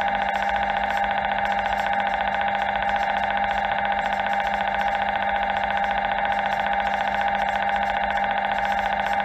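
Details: MRI scan: loud, steady, rapidly pulsing electronic buzzing with a fixed tone, about two pulses a second; MRI scanner noise.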